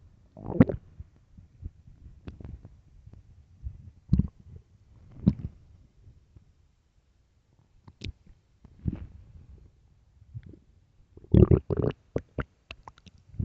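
Low gurgling rumbles and squelches in irregular bursts with quiet gaps between them; stomach growling.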